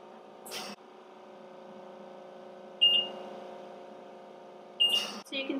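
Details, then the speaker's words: Oxygen concentrator low-flow occlusion alarm: a steady hum with short high beeps about every two seconds. The outlet was blocked to simulate kinked cannula tubing, and the flow-meter ball dropped to the bottom. "that we're receiving these alarms and the ball on the flow meter has dropped all the way down to the bottom"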